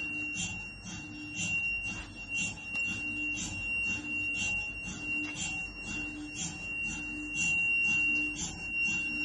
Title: MRI MACHINE